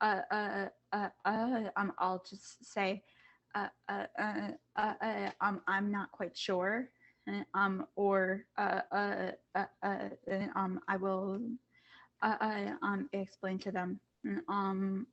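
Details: Student who stutters, on a panel of kids, teens and adults who stutter, back at school after online classes; says masks make them even harder to hear. Stuttering.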